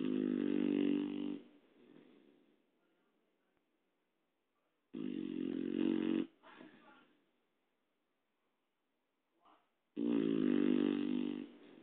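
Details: Three low, buzzing snores on the in-breath, about five seconds apart, each followed by a softer out-breath and silence: snoring.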